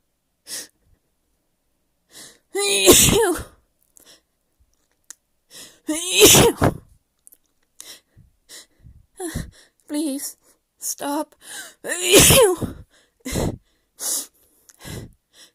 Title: Little Sneezing Torture Scenario :)